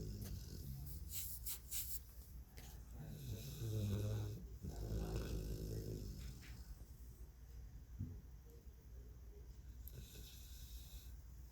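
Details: Low rattling snore with soft breathy sounds and background noise, replayed from a film; ordinary snoring during a pre-bedtime nap.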